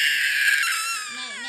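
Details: Young child's loud, strained, high-pitched cry, typical of an angry tantrum; crying.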